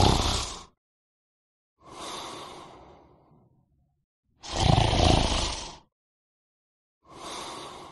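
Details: Adult male snoring sound effect.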